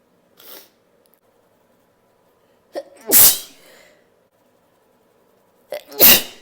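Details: A faint sneeze, then two loud unstifled sneezes, each with a sharp intake of breath before the burst and a trailing exhale.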